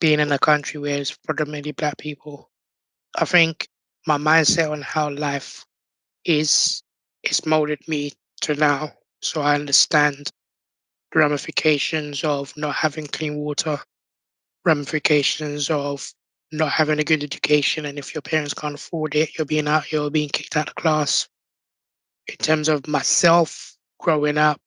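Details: Adult man born six months premature with undeveloped airways, given emergency surgery at birth and living with a tracheostomy tube; prematurity heavily impacted his vocal cords; tracheostomy voice.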